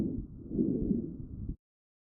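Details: Child's chest recorded with StethoMe electronic stethoscope, AI-classified: brief, low, continuous musical hiss from narrowed airways; wheezes.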